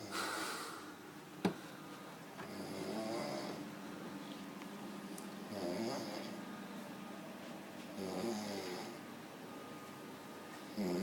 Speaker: We're filming him snoring.